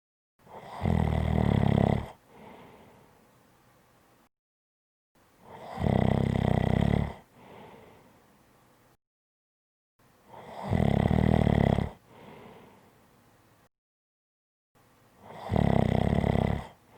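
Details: Audio clip of snoring: loud, low, rattling snores on each breath in with a softer breath out, about every five seconds, roughly 13 a minute.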